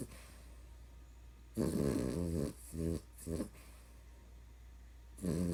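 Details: Short, irregular nasal snorts and rumbling snores from a very tired sleeping puppy, with quiet room noise between; snoring.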